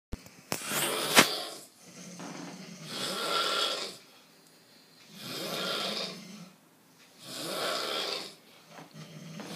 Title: Snores galore bwahaha